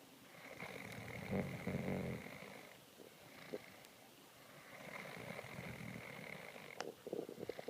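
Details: Person snoring after being very tired from work: repeated low, rattling breathing sounds over a steady background hum.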